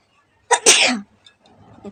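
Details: Sneeze deliberately induced by poking the nose with sticks, two at once, during a sneezing challenge: a short intake, then one explosive, hissing burst trailing into a voiced release.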